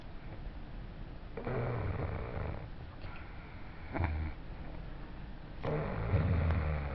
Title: roncando